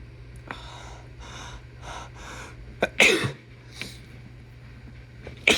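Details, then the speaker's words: Adult with a cold, tickly and sick with a sore throat: several sharp breaths in, then a forceful sneeze and the start of a second, over a steady low hum. "I have a bit of a cold right now, and I don't know if you can hear it in my voice, but it's definitely feeling sick and sneezy."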